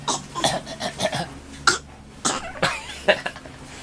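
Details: Child coughing: a run of about eight short, light coughs in quick succession.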